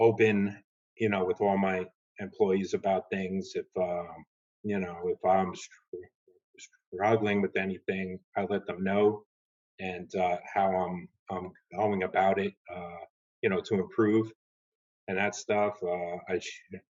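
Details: Adult woman who stutters, speaking in a webinar with sound and part-word repetitions; stuttering.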